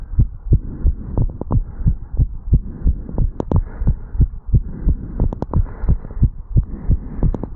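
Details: Fast, regular, clear lub-dub heart sounds with low body rumble, 35-year-old male after jogging up stairs, recorded at the mitral valve area while standing still; rapid heartbeat after exercise.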